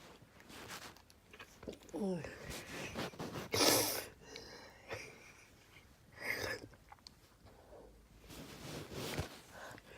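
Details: Sneezing: a run of several sharp, explosive sneezes with breathy intakes between them, in a small room.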